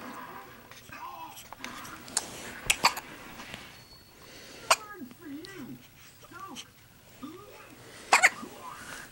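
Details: Little boy with morning hiccups: sharp, abrupt hiccups, about five in nine seconds, between soft babbling and an adult's quiet baby talk; hiccups.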